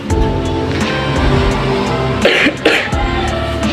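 Two short, muffled acted coughs into a tissue, partly masked by steady background music.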